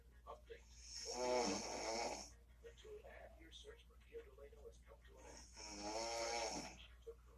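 Two long, rattling, tonal snores on inhalation with quieter breathing between. Typical snoring.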